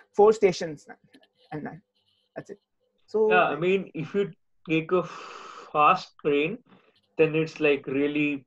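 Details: Adult male speaker; speech.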